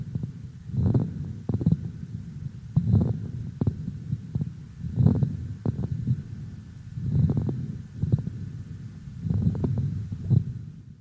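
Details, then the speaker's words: Breath sounds about 28 a minute with brief, soft, scattered crackling pops: fine moist non-resonant (poorly heard) crackles in a patient with bronchitis, on lung auscultation. "прослушайте влажной и звонкие мелкопузырчатые хрипы пациенты с бронхитом еще раз сравнить только что услышанный побочные дыхательные шумы"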